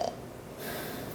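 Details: Adult imitates a brief nasal snore, a short rough snorting breath through the nose, while sleep-study results are explained: snoring, a raised apnea-related index, rhinitis narrowing the nasal passage, and mouth breathing.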